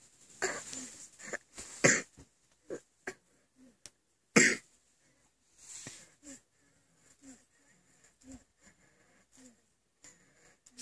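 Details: A baby having an asthma attack: harsh coughs and noisy, slightly whistling breaths, consistent with wheezing.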